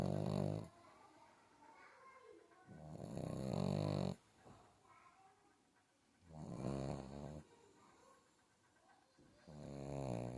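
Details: A sleeping pug puppy gives loud, rattling snores with quiet pauses between breaths, about 20 breaths a minute: snoring.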